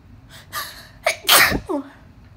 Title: Uncovered allergic sneeze fit after dusting | 19 sneezes